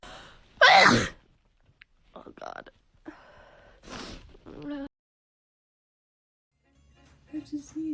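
One loud explosive sneeze, followed by brief talk and sounds, with faint background music at the end.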